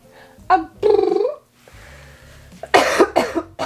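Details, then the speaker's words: Adult with COVID-19, about five days into the illness and recovering, still congested: a few short, harsh coughs between quiet moments; mild cough. "oh gosh i feel like other than a slight cough and like sounding off and congested i actually am feeling a lot better than i was the last five days"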